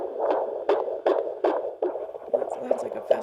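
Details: Fetal heartbeat on Doppler at a home midwife visit, 41 weeks and two days pregnant, past the due date: fast, regular whooshing pulses, about 150 a minute, in the normal range.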